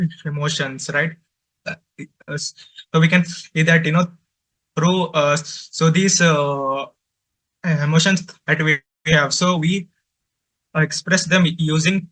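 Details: Adult man who says he stutters and finds speaking with different people difficult; stuttering.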